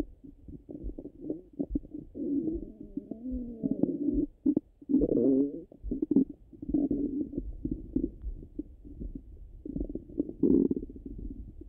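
Frequent gurgles, bubbling and longer rumbles through a stethoscope; active, ordinary bowel sounds.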